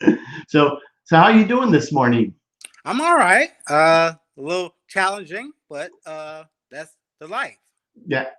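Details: Aphasia after ischemic stroke in a 52-year-old male Army veteran, about 3 years post-stroke, still working on his speech; real patient.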